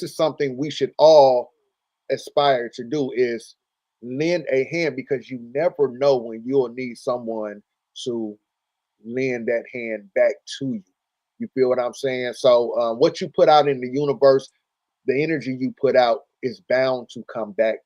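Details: Adult male speaker; Normal speech.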